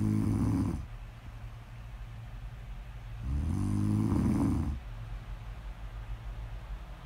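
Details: Snore-audio ASMR: two long, low, buzzing snores about three seconds apart on in-breaths, with quieter breathing between them; snoring.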